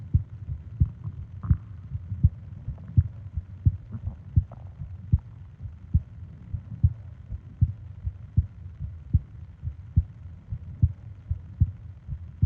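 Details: Steady, regular low heart thumps at about 80 beats a minute over a soft hum, from a 20-minute ASMR sleep recording of heart and breathing sounds; normal heartbeat.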